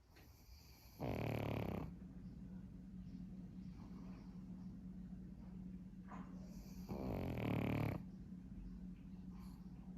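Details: Pug dog sleeping: two loud rattling snores about six seconds apart, with steady noisy breathing between them. Snoring.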